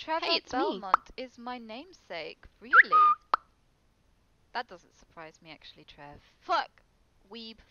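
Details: Female streamer with Tourette syndrome reacting to videos, with interjected words that appear to be vocal tics: vocal tics (Tourette syndrome).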